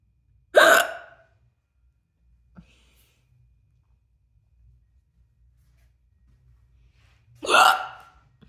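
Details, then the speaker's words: Two sharp, abrupt hiccups about seven seconds apart in a quiet room, about eight minutes into an ongoing bout of hiccups; hiccups. "maybe we can go to to 10 minutes and then we'll and then we'll cut it there 10 minutes let's see that might be a good idea cuz we're already at 8 eight minutes of hiccups that's so"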